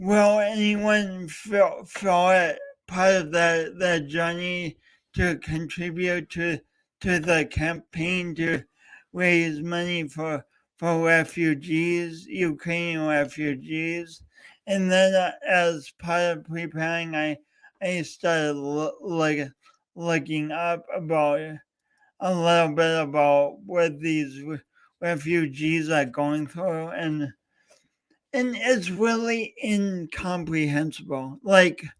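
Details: Adult host with a speech impediment, coached for years, attempting to talk live for three hours as a personal challenge. Finding: stuttering.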